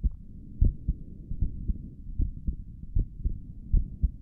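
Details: ASMR recording of a heartbeat, listener's head on the chest, possibly via stethoscope: soft, steady low thumps at about 78 a minute with faint hum; normal heartbeat.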